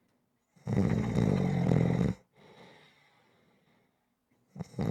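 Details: Rhythmic ordinary snoring for relaxation audio: long, loud, rattling snore on the in-breath, softer breath out, then the next snore begins.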